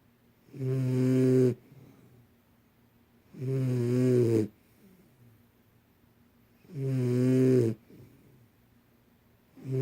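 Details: 2-month-old snoring regularly on each breath in, about 20 snores a minute, with quiet pauses between them; snoring.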